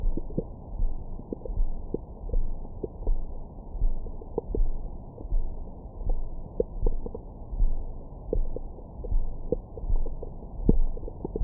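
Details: Bowel sounds from the recorder's own belly after a large meal, recorded with a Stemoscope stethoscope microphone: low rumbling with scattered gurgles and squeaks; ordinary digestive sounds.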